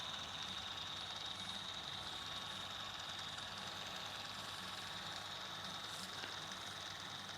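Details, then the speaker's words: Intraoral digital scanner running with a steady high-pitched electronic whine over a soft fan-like hiss while scanning a new patient's teeth during a full dental check-up. "going take a digital scan of your teeth"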